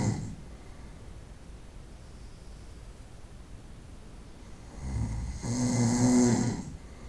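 A single rough, rattling snore on a breath in, after a few seconds of quiet breathing; ordinary snoring.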